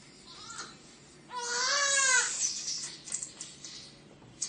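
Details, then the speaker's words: Sick newborn boy who tested positive for RSV, crying during nasal suctioning at a medical check; strained, high-pitched cry followed by fussing and whimpers while his nose is suctioned. "Oh, he minds it. Oh, he does. Oh, yeah, he does. They just take a minute to cry."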